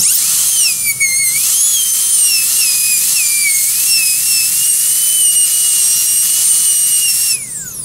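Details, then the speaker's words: Dental handpiece with a 330 inverted-pear bur preparing a Class I cavity on a typodont, shaving laterally along the wall in paintbrush strokes: continuous high-pitched whine, pitch dipping slightly under load, then winding down. "as you can tell here I'm also uh moving laterally up against the wall I'm not attacking the wall from the center of the prep uh but rather kind of Shaving away um with the wall of the preparation almost in a paint brush sty"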